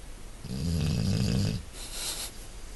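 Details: Low, rumbling snore on the in-breath, then a softer hissing out-breath; ordinary snoring.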